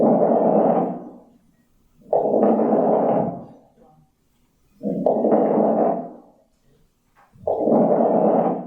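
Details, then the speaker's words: Four slow breath sounds with a fine, dry, crackly popping texture, often subtle; pulmonary crackles of interstitial lung disease as in scleroderma-associated lung fibrosis. "So that's what pulmonary crackles sound like. It can be very subtle."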